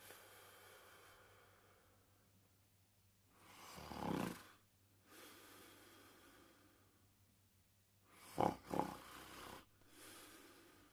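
Quiet breathing with two loud rattling, snorting snores on inhaled breaths, roughly five seconds apart, during sleep.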